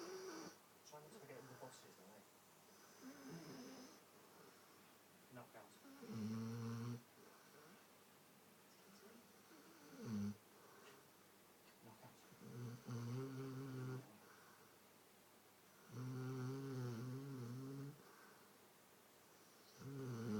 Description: My Roty snoring his little head off and chasing sheep lol